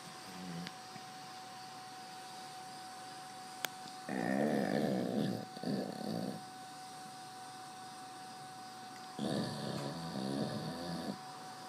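Rough, fluttering snores from a sleeping dog, one long breath about every five seconds, over a steady room tone; ordinary snoring during sleep.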